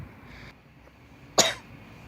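A single short, sharp cough bursts out against quiet room noise; one isolated adult cough.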